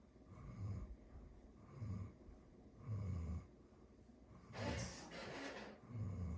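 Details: Low rumbling snores with each breath, about 40 a minute, with a short louder snort-like breath partway through, from a dog; snoring.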